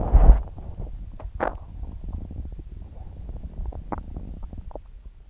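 Low gurgling and rumbling with a few brief higher squeaks over several seconds; active bowel sounds with an upset stomach.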